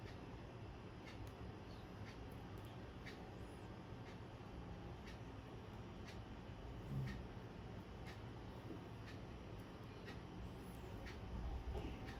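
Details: Resonant percussion note over the chest during a physical examination of the thorax and lungs, demonstrated for an internal medicine OSCE.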